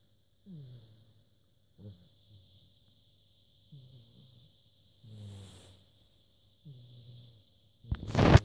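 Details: Soft, low rumbling snores every one to two seconds, each followed by quiet, then a brief scuffling noise, from Rocky, a sleeping pet; ordinary snoring.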